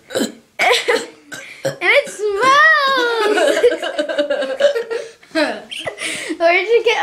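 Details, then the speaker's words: A child burping on request: several long, voiced, gurgling belches with brief laughter and talk around them; repeated burping. "And my cousin is going to be burping randomly, alright? Oh yeah, by the way, that's my bed in the background. Now start to burp."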